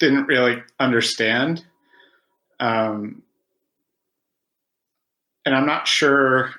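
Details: Stuttering in an adult male who has stuttered since about age five, after about 20 years of speech therapy; longtime member of stuttering self-help organizations.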